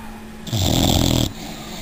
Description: 6 month old Old English Bulldog Chica snoring in her sleep